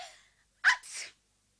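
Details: Simulated sneeze from the animated character Anne in Japanese-language cartoon audio, with dialogue suggesting she may have caught a cold: a single sharp, explosive sneeze with a quick intake and burst of air.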